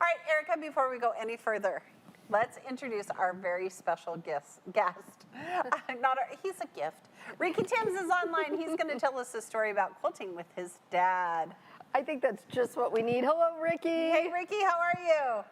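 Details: Adult woman speaking; normal speech.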